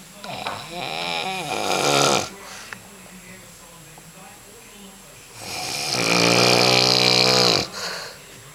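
Loud, harsh, vibrating snores on each in-breath with quiet pauses between; heavy snoring in an adult.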